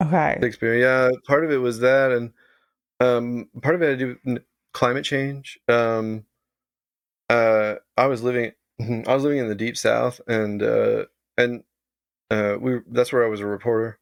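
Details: Adult man with Tourette syndrome of late manifestation, diagnosed about 7–8 years ago, also with OCD; vocal tic of involuntarily saying "Shakespeare"; vocal tic (Tourette syndrome).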